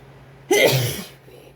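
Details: Induced cold sneeze while partner says bless you: a single sharp, explosive sneeze after quiet, fading over about half a second in a small room.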